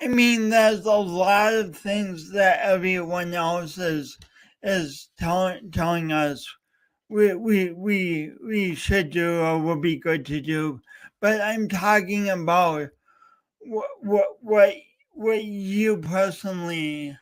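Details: Male host talking live for three hours straight to mark speech impediment day, with frequent word repetitions heard; stuttering (disfluent speech with word repetitions).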